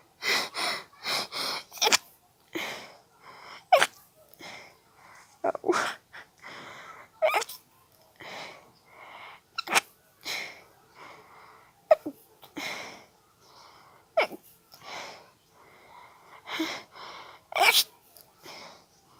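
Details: An adult with allergies, after a tickle in the nose, has a rapid run of short, muffled, held-back sneezes, an intense stifled sneezing fit.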